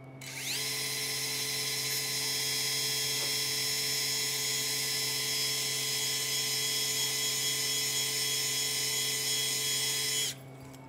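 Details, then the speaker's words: Powered surgical drill boring a transtibial bone tunnel through a drill guide during revision posterior cruciate ligament reconstruction of a female patient's knee: steady high-pitched whine for about ten seconds; surgical bone drill. "This is my drill guide through transtibial, and right of this bigger metal thing you're seeing, there's all the vessels and nerves, so we really have to take care."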